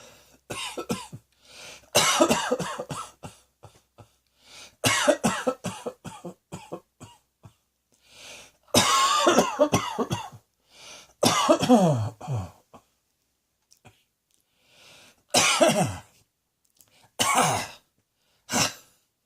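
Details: Adult lying on a bed coughing repeatedly in short clustered bouts, some harsh and voiced, with quiet pauses between.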